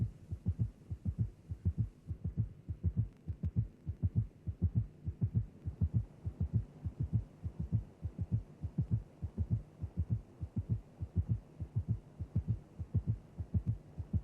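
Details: Gallop rhythm in a cardiac auscultation teaching programme: a fast, regular heartbeat with an additional heart sound, tachycardia plus an extra sound giving a three-beat galloping cadence.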